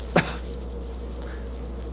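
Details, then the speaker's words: A neurologist imitates the choking cough of bulbar (palate, tongue, lip) dysfunction with one brief, sharp cough; such patients choke and carry a tissue, suggestive of motor neuron disease. "they're choking and they're often carrying a hankerchief or a Kleenex in their hand"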